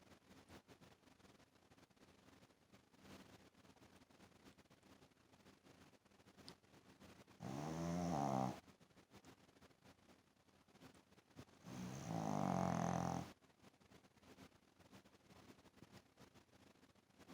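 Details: Sleeping Shih Tzu dog: two loud, fluttering snores about four seconds apart over quiet room noise; snoring.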